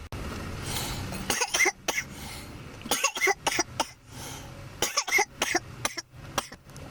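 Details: Adult coughing after smoking cannabis (keef, hash): harsh coughing in irregular runs of several coughs, about three bursts, over room noise, an irritant cough after smoking.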